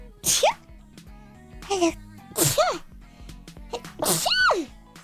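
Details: VTuber sneezing during a livestream: three or four separate sneezes, each a sharp burst ending in a rising vocal squeak, over soft background music.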